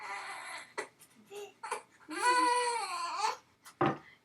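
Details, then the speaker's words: Three-month-old baby who had been crying before recording and nothing soothed him; diaper just changed, possibly hungry. Short fussing cries build into one long, loud wail; ordinary infant crying. "so the baby's still crying a little bit so they might also be hungry so let's feed the little baby"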